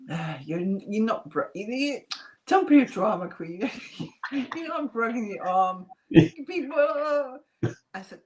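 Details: Adult woman, real case, mild residual aphasia with slight remaining speech impediment after multiple strokes in 2012–2013 (two hemorrhagic, three ischemic); initially lost ability to speak, then relearned it.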